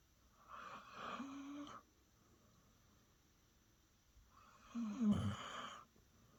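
Two rough, fluttering breath sounds a few seconds apart in a quiet room: snoring.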